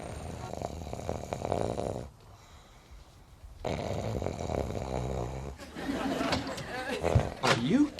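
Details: Acted snoring by the character Joey in the TV comedy Friends: loud, rattling snores with a pause, then a voice over background music.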